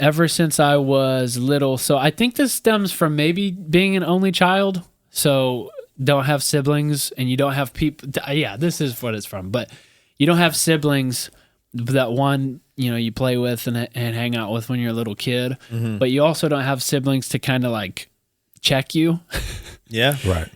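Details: Adult male speaker; normal speech.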